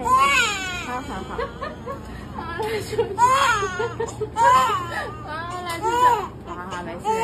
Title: A lot of crying, the baby was in pain - Immunizations For Two Month Old Born Baby.